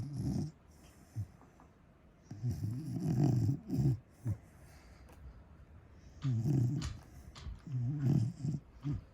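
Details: Loud, low, rattling snores from a sleeping Corgi dog, in irregular bursts with quiet gaps between breaths: dog snoring.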